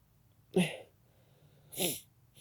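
Two brief, abrupt bursts of air in a quiet room. A pair of small sneezes.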